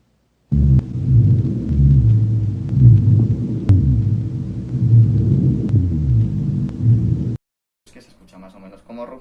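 Low, rumbling snore-like sounds through the breathing cycles, typical of rhonchi from secretions in larger airways.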